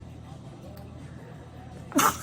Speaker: excuse me the allergies are kicking in guys